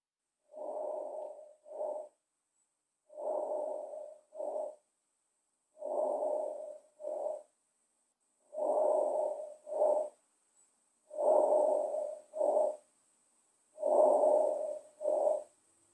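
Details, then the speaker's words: Normal vesicular breath sounds for comparison with diminished ones: soft, regular breath cycles with a longer inspiration and brief expiration. "eu coloquei o murmúrio vesicular normal e o número vesicular diminuído que é o que a gente vai observar nessa doença primeiro vamos ouvir um murmúrio vesicular normal"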